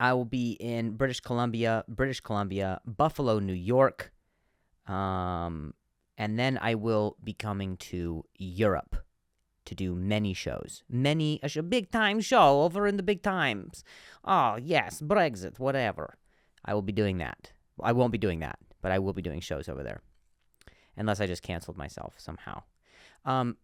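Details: Adult male comedian who stutters, noting a state name he finds hard to say, speaking on his own podcast; stuttering.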